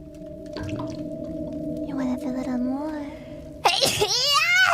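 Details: Sneezing by a vtuber character: soft talking and steady hum, then a sudden sharp sneeze-like burst followed by a rising vocal squeal.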